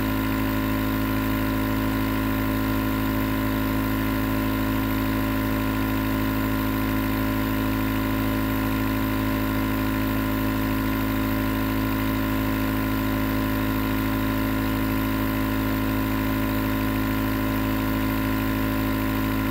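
Steady, loud motor hum with a constant buzzing drone throughout: a nebulizer compressor running continuously.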